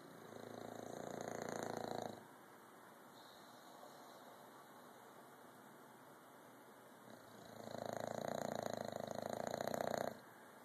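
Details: Bulldog during its first morning nap: two long, loud, rough snoring breaths with a harsh fluttering rattle, separated by a quieter pause; loud snoring.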